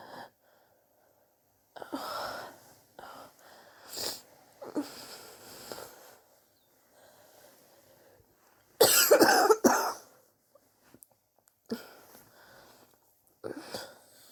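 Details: Repeated harsh coughs, some in loud bursts, with raspy breaths between; persistent chesty cough over recent weeks, self-suspected bronchitis, chest x-ray pending to check for pneumonia.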